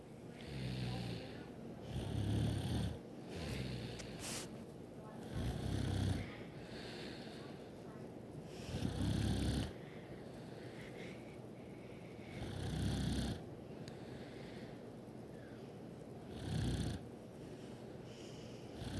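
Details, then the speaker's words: Sister who snores a lot, sleeping: low, rumbling snores repeating about every four seconds, roughly 16 a minute, over steady room noise. "You guys can't hear my sister sleeping. Turn up your volume. My sister snores a lot."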